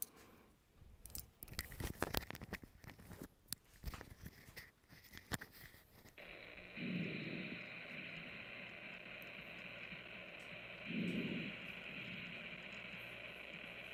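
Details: Teaching example of normal vesicular breath sounds, played while teaching breath-sound assessment for dysphagia and silent aspiration screening.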